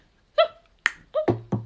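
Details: Vocal tic from a person with Tourette's, heard while playing guitar, which they use for stress relief to help their tics.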